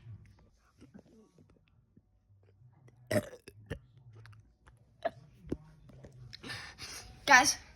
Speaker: this is part 2 of straight burps. This is a real gnarly one.